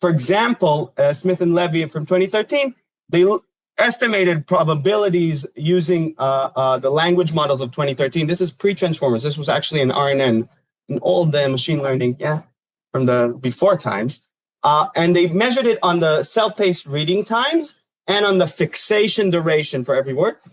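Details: Adult lecturer; Normal speech.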